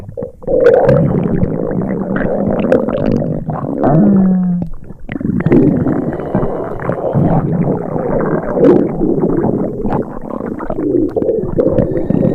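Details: Simulated upset-stomach sound effect: loud, drawn-out gurgling and rumbling, imitating stomach rumbling.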